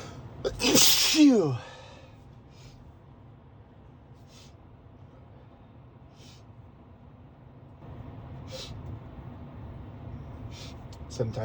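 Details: Sneezing while driving to work in the morning (M), despite daily allergy medication: one loud, forceful allergic sneeze, then quieter sniffing and snorting over steady car noise.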